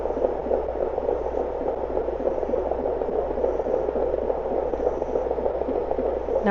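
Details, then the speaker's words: Rapid whooshing Doppler pulses of an unborn puppy's heartbeat, about 200 a minute, read as 204 and 202, recorded through the belly of a pregnant solid black German Shepherd before labor: a healthy fetal heart rate. "You hear it? Yeah? You hear how fast that heartbeat is?"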